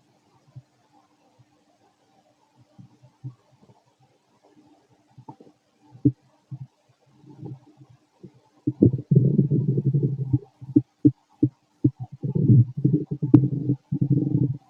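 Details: Fit male, stomach growling while digesting, very loud: low gurgling and rumbling bursts, quiet at first, then loud and nearly continuous; active bowel sounds (borborygmi).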